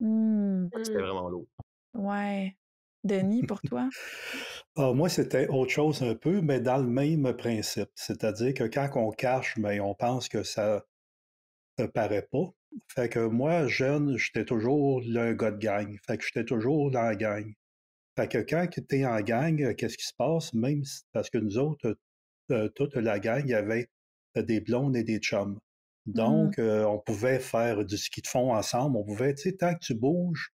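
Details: Stuttering in an adult man in his thirties, a French speaker, real speech.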